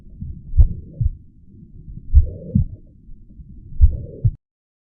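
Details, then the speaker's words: Teaching audio example of mitral regurgitation: low heart sounds with a high-pitched, blowing systolic murmur filling the space between beats. "palpitations, dispa on exertion, pulmonary edema, orthopia, difficulty with breathing while lying down, right-sided heart failure may develop causing neck vein distension and pitting edema, and a highpitched systolic murmur."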